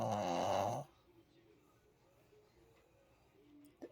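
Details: One loud, rough snoring breath from a pet, then quiet shallow breathing with faint puffing. Snoring.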